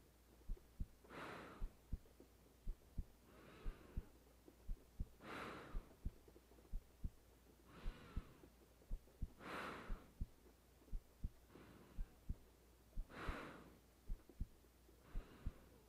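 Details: Normal resting heartbeat of a woman lying in bed, recorded for a sleep audio: slow, even paired thumps at about 56 a minute, with soft slow breathing and steady rain behind.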